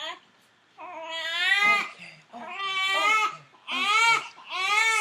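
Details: Two-week-old newborn boy, seated during a chiropractic neck assessment while his neck muscles and joints are palpated for tightness, gives four loud, high-pitched crying bursts with short breaths between them: a vigorous infant cry.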